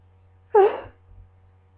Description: More sneezing from my cold in bed